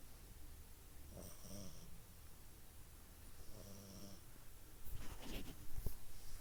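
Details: Two rough, rattling snores on in-breaths over steady room noise, then a few snorts; snoring.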